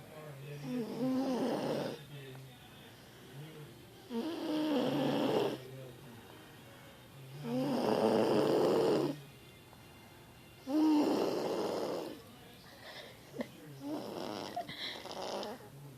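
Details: Snoring in a 5-year-old girl who snores like this every night: loud, rough snoring on each breath, about 19 a minute, with quieter breathing between snores.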